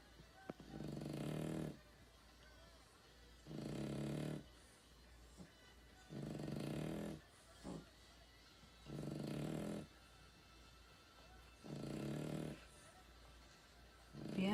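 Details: Dog snoring: steady, deep rumbling snores on each breath, about 23 a minute, separated by quieter exhalations.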